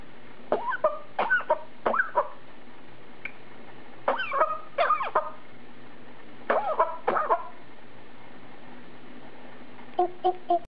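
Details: A Congo African grey parrot mimicking a human cough: clusters of short, cough-like bursts, imitation rather than illness.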